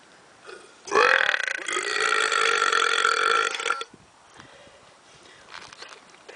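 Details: Voluntary burping: a single long, loud, rumbling voiced belch lasting about three seconds.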